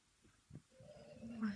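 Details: A sleeping cat snores: a soft snort, then a rising, humming rattle on the in-breath.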